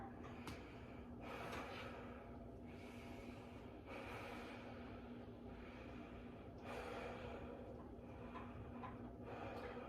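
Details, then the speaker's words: Nurse's assessment, anterior chest auscultated at six spots with a stethoscope while the adult male patient takes slow deep breaths: soft rush of air in and out, clear breath sounds with no added noises. "Everything sounds clear. Just like on the back. Sometimes it can get a little diminished as you go down the lobe."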